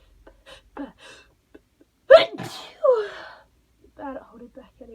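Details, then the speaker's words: Person at the end of a cold, trying to hold back tickly sneezes: a loud, partly stifled sneeze, then a second sharp sneeze burst between soft breaths and brief speech. "I I promise I'm trying not to sneeze, but it's not going well for me at the minute."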